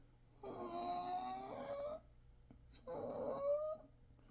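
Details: Adult man, not recently extubated and no recent laryngeal biopsy: two loud, high-pitched musical breath noises with quiet gaps, heard without a stethoscope. Expiratory stridor pointing to airway narrowing below the vocal cords.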